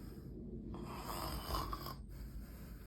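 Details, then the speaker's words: Comedy sketch: wife complains her husband's snoring keeps her awake; a single rough, low snore on a drawn-in breath with a snorting rattle, then a pause; snoring. "Uy, esta roncadera no me la aguanto más. Si no es la niña, es él que no me deja dormir."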